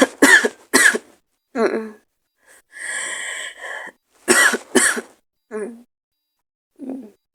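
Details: Person sick with a cold, sore throat, headache and hoarse voice: repeated short, raspy coughs in pairs with a long throat-clearing rasp between.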